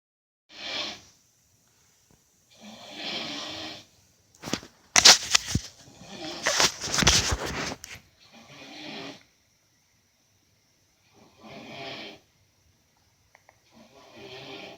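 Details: Uncle snoring: loud, rough, irregular snores every few seconds with a burst of harsh snorting in the middle, heavy snoring.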